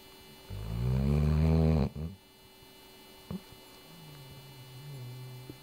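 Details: Snoring: one loud, low, rattling snore lasting about a second, then quieter breathing over a steady background hum.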